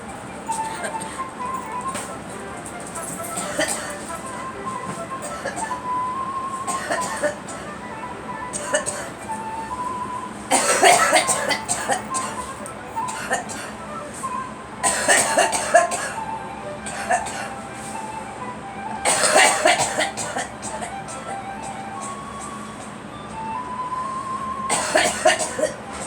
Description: Girl coughing